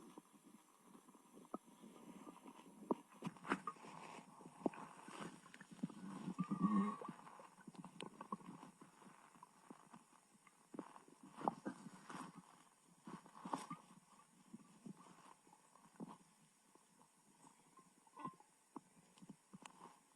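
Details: Borborygmi after eating a lot, with stomach pain, during belly massage to aid digestion: low gurgling, irregular rumbles and bubbling as gas and fluid move through the gut.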